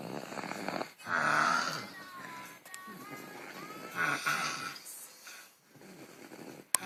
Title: Snoring like mother like son. Lol